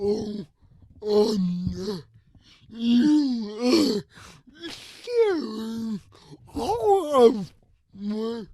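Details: Adult with cerebral palsy who uses a wheelchair and walker and describes his own speech disability; his words are revoiced by another speaker; dysarthria (cerebral palsy).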